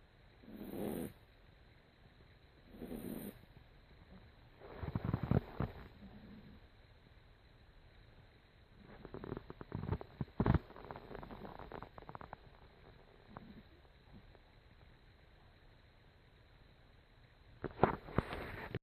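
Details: Soft, irregular snoring breaths with low rumbling and a few sharper snorts against quiet room noise, recorded 11-26-14; ordinary snoring.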